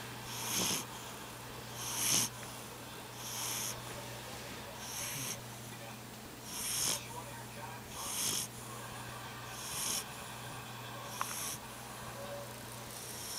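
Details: Puppy snoring while sleeping: soft, regular, hissy, airy snoring breaths, about 40 a minute, over a steady background hum.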